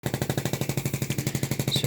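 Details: Mechanical chest percussion device used on a transplant patient, intubated for a long time, to break up mucus he cannot cough up: rapid, steady thumping, about twelve pulses a second, painless; airway clearance.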